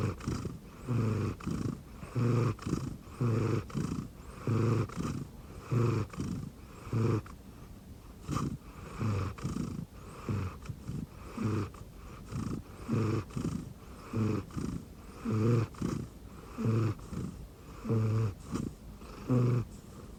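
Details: Rescued cat sleeping on an arm-pillow under a futon, snoring: steady, low, fluttering snores, close to a purr in sound.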